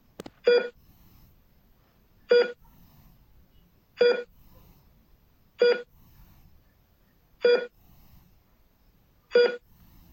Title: فيديو وصوت جهاز نبضات القلب في المستشفى - Heart Rate Monitor sound